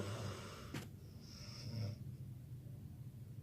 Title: দেখুন কিভাবে নাক ডাকছে | Snoring live video | Disguisting snore in every night | Funny video